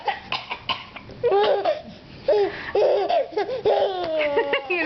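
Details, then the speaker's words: A mother deliberately coughs to amuse her infant: a few short, dry adult coughs, each followed by the infant's bursts of laughter. "okay I'm going to cough you you like when people cough"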